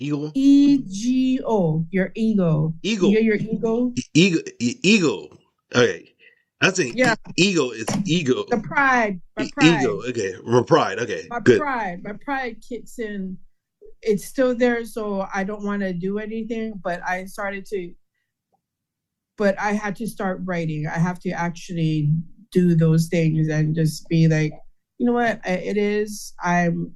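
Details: Adult man with aphasia after a stroke, with word-finding difficulty and trouble producing words; aphasia.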